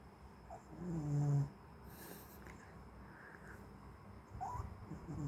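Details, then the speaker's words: Pet Bubbles (Babos) snoring like a human while sleeping: one low, rumbling breath noise followed by quiet breathing in a room; snoring. "You snore like a human, Babos."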